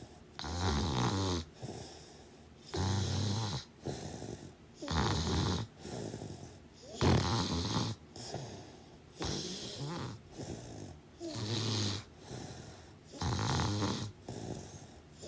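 Steady, rough snoring on each breath, fairly quick at about 28 breaths a minute, with short quiet gaps between.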